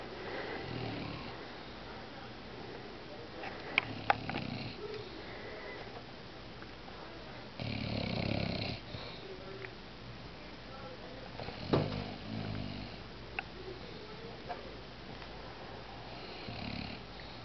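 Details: Female Bulldog asleep in a quiet room; soft, irregular snoring and snuffling breaths. Snoring.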